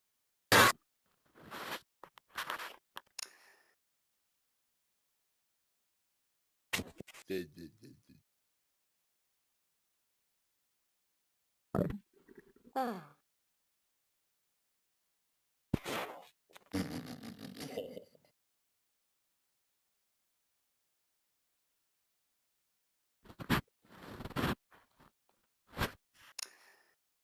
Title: My Stomach Noise